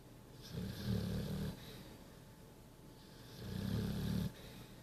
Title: Snoring pitbull...... lol love it